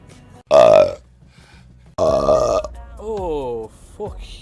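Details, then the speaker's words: Person deliberately burping during a live stream: two long, loud, deep-voiced belches, then a short voiced grunt-like sound; voluntary burping. "uh uh yep wow uh oh [ __ ] bob I'm not burping I'm [ __ ] deflating slowly"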